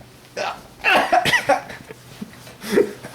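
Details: Violent hiccups, which the person says hurt every time: several sudden, sharp vocal catches with short gaps between them, in a quiet room.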